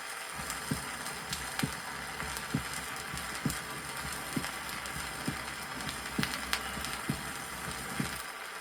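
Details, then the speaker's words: Normal heart sounds from a 1963 Soviet teaching record, heard at the apex, aortic and pulmonary areas; first tone longer, lower and louder at the apex, second at the base; steady low thumps about 66 a minute with record hiss. "прослушайте запись нормальных тонов сердца на [музыка] верхушке на [аплодисменты] аорте на лёгочной"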